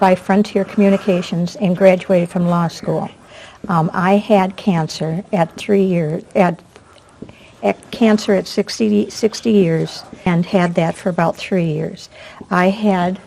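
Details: Adult with aphasia caused by a stroke that followed surgery, previously in a professional career, attending an aphasia conversation group with a speech-language pathologist; real patient speech showing aphasia.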